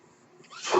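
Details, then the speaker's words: Mechanical ventilator noise in the background as its user speaks while recording a podcast. "That noise you're hearing is my ventilator."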